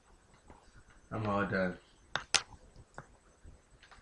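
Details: A short spoken phrase followed by two sharp, abrupt gulping clicks typical of hiccups, from a person who says they feel like throwing up; hiccups.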